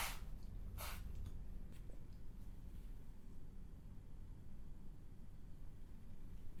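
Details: Acted sneeze by an animated character while reading aloud in Japanese: two quick, sharp bursts of breath near the start, then only low room hum. Simulated sneezing.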